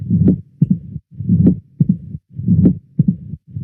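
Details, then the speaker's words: Mitral stenosis: low-pitched mid-to-late diastolic (mesotelediastolic) rumbling murmur after the second sound, from obstructed mitral valve opening in diastole. Diastolic rumble. "Acabo de poner el dibujito del soplo mesotelediastólico de tono grave, aquí en la mesotelediástole."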